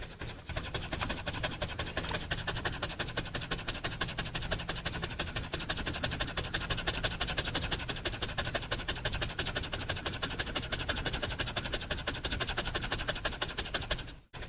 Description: A dog panting and breathing very fast and hard. Dog having a hard time breathing.